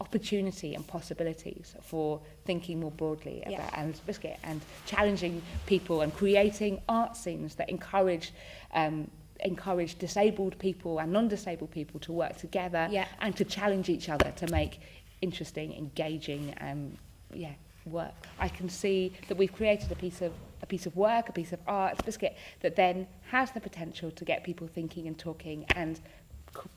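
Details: Adult woman speaking; Tourette syndrome vocal tics.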